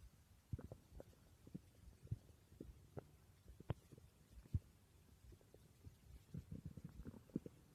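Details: Borborygmi recorded while the person slept: irregular low gurgles and rumbles scattered through quiet, ordinary stomach growling.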